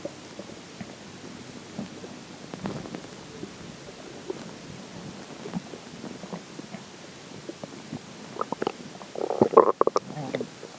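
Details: Stomach growling after drinking water: low gurgling and bubbling rumbles that swell into a louder growl near the end; bowel sounds (borborygmi).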